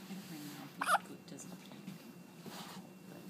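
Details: Recurring bout of hiccups in a young child: a single short, abrupt hiccup, then a softer second catch, against quiet room noise.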